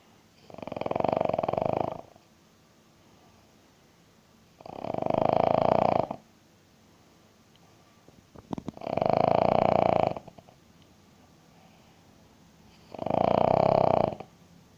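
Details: King Charles Spaniel snoring loudly: four slow, rumbling snores about every four seconds, roughly 15 breaths a minute, with quiet pauses between; dog snoring.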